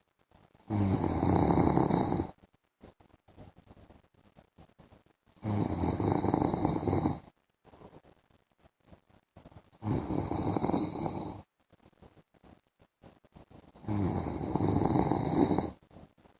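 Four loud, rough snoring noises on breathing in, about one every four seconds, with quiet breathing between: heavy snoring.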